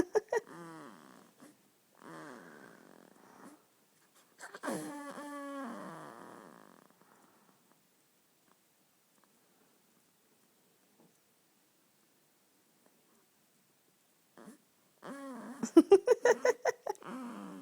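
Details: Squeaky, nasal snoring in short bursts separated by quiet pauses from a sleeping 2-week-old baby boy; infant snoring.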